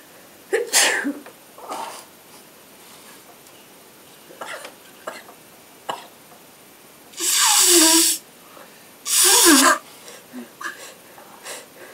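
Two loud, hissing sneezes a couple of seconds apart, with short sniffs and soft snorts around them, in a quiet room.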